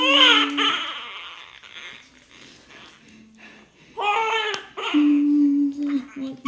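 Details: Newborn baby boy just after a difficult labor and delivery: loud, strong cries with adult voices in the room, a vigorous first cry.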